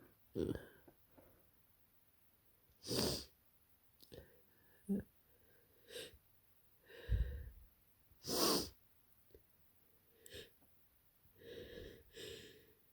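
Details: An adult with a bad head cold (scratchy throat, headache, often sick since starting work at a kindergarten): several harsh sneezes with sniffing and noisy, congested breaths between them.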